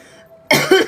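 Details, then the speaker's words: Adult still congested and sick, with a lingering cough heard in the voice, gives two quick coughs after a moment of quiet, sounding loose and somewhat congested. "I'm still like congested and I still have a cough and you can still hear it in my voice"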